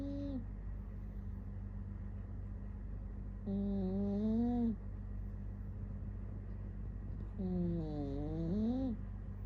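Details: Cat snoring: rhythmic, humming, tonal noises about every four seconds over a steady hum.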